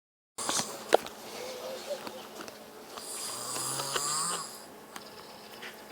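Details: Snoring "like a truck driver" from someone who was sick: a single long, low rumbling snore on a breath in, with a faint hiss and small clicks.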